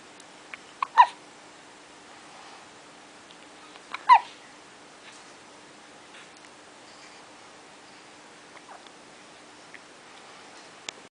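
Two brief, sharp, high-pitched hiccup clicks about three seconds apart over a faint steady hum.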